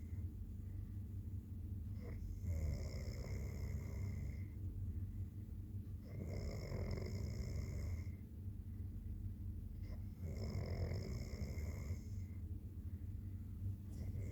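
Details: Adult man (fiancé who denies snoring) snoring in sleep: loud rumbling snores on each breath, about every four seconds, roughly 15 breaths a minute, with a steady low hum in the room.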